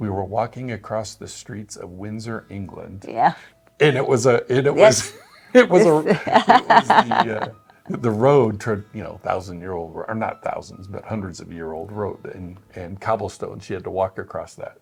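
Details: Adult male speaker; typical speech.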